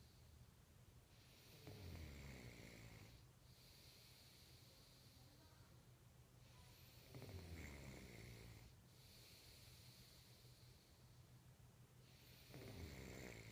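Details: Slow, regular rumbling snores on each in-breath, about four breaths over thirteen seconds, with faint hiss between; snoring.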